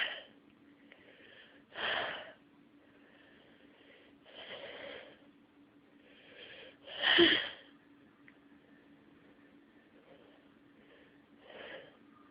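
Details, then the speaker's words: Person with nasal congestion and a nasal tickle trying to force a stuck sneeze: quiet sniffs and breathy build-up, then one sharper burst midway, an attempted sneeze that stalls, in a quiet room. "Come on. I just want to sneeze. Let me sneeze."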